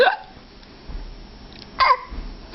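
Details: Hiccups in a small son: two short, sharp hiccups about two seconds apart, with faint room noise between them.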